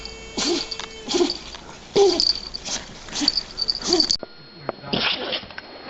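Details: Repeated sneezing in puppies: a run of short, sharp, high-pitched bursts, about seven in six seconds.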